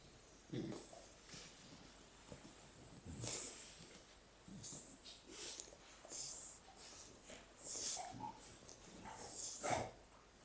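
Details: Sleeping, cuddling Shar-Pei dogs; snuffling, snorting breath noises repeating irregularly: noisy snoring.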